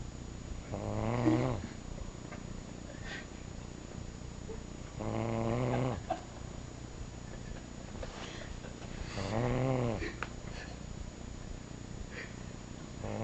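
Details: Man snoring continuously in sleep: three rough, rattling snores about every four seconds, roughly 14 a minute, over steady room hum; snoring.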